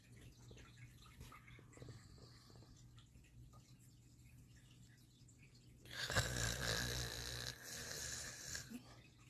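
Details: Cute snoring: soft, snuffly breathing, then a louder rasping snore on one breath in a quiet room.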